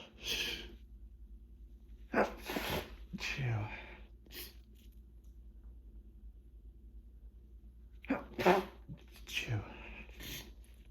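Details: Hay fever sneezing fit into a hand towel: several loud, wet, forceful sneezes, each after a gasping in-breath, over a low room hum.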